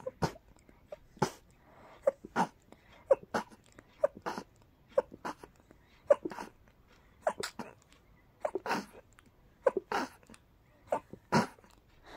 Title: More teasing rapid sneezes